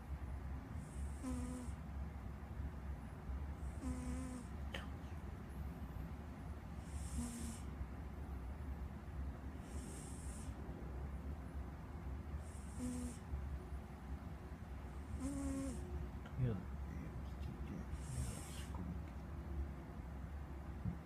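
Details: Soft, regular snoring from a sleeping cat, about one breath every 2.8 seconds (roughly 21 a minute), each with a faint nasal whistle.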